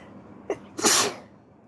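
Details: Sneeze from someone at home with the flu, first thing in the morning and slightly hurting the throat: a short in-breath, then one forceful, hissing sneeze.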